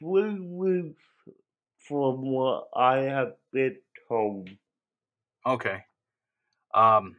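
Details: Adult male with cerebral palsy that he says affected his voice; he cannot walk and has muscle spasms; dysarthria.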